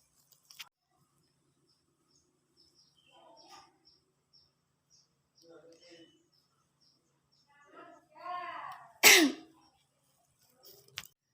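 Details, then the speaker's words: Nursing student demonstrating effective coughing: deep inhalations, then one strong forceful cough and a smaller follow-up, done to expel secretions into a sputum pot containing disinfectant. "Baiklah akan saya contohkan Bagaimana cara melakukan batuk secara efektif"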